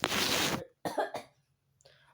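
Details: Person who says they are feeling sick gives one harsh, forceful cough, then two shorter coughs and a soft breath out; cough.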